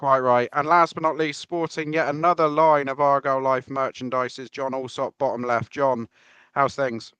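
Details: Adult male speaker; Ordinary speech.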